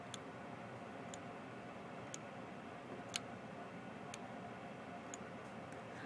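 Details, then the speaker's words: Omnipod tubeless insulin pump pod priming after insulin fill, faint sharp clicks about once a second over room hiss as it pushes air out through its internal tubing before attachment to a patient; training demonstration. "this is pushing out all the air through the internal tubing of the pump before it gets attached to uh a a patient"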